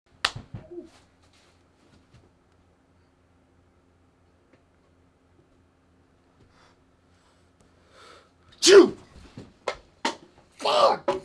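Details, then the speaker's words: Staged short film of a man sneezing: one sharp sneeze at the start, then quiet, then a burst of several loud sneezes in quick succession near the end. "I'm sorry dude you're supposed to [ __ ] sneeze in your elbows man"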